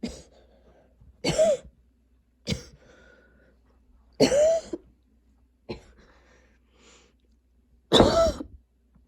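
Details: Repeated harsh, slightly wet, throaty coughs, about six bursts in nine seconds, in a quiet room, from a person having persistent coughing fits despite medication while unpacking and getting ready for school; coughing fits.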